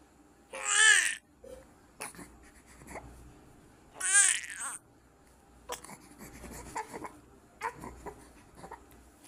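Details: Newborn being bathed while held on a caregiver's legs and washed face, body, then back: two loud crying bursts with softer fussing between, in a quiet room. Newborn cry.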